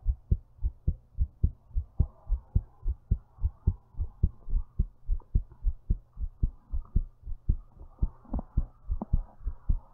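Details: Strong, regular thumping heartbeat at about 107 beats a minute, recorded while lying down.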